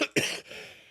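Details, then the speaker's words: Adult man with a cold giving a single short, harsh cough, with a brief lead-in sound and a fading tail. "y'all hear the cough I got a code and everything and I'm still here for y'all"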